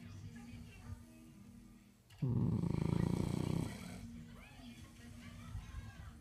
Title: French bulldog and me snoring